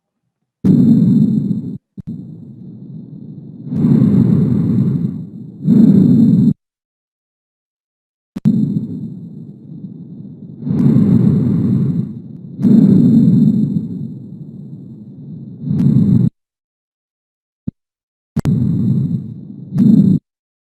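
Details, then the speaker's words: Bronchovesicular breath sounds, heard at the first and second intercostal spaces, with slightly lower volume and intermediate intensity and pitch. "cuál es el detalle de la respiración bronco vesicular notas te de que el volumen descendió un poco el volumen está con una intensidad y tono intermedio"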